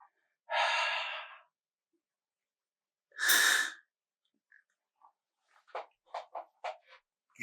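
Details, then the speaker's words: Demonstration of asthma inhaler technique: after shaking the inhaler for 10 seconds, a long airy breath out empties the lungs, then a shorter breath and faint clicks before sealing lips on the mouthpiece. Exhalation before inhaler use. "so you shake well for 10 seconds and then you expel all the air out by breathing"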